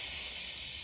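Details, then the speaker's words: Root canal irrigation with 6% sodium hypochlorite in a 10-year-old girl's traumatized upper front tooth (#8) with an open apex, pulp exposure and irreversible pulpitis signs; steady high-pitched hiss of fluid spray and suction. "so the ethical diameter of this juice is very large but I'm not afraid to use hypo this is six percent hyper"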